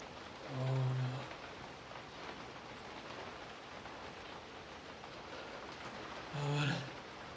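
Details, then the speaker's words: Adult who woke up sniffly with a tickle, in a morning sneezing fit: two loud voiced sneezes about six seconds apart, with steady rain in the background; sneezing. "I woke up this morning and was really sniffly and I just sneezed. Oh god. Oh god. I'm gonna sneeze. I'm gonna sneeze."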